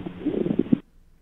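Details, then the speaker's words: Pleural friction rub from inflamed pleura, likened to new leather shoes creaking: brief grating, creaky bursts over the chest as inflamed pleural layers rub together. "O atrito pleural é o rosário das pleuras, parece couro, sapato de couro novo andando."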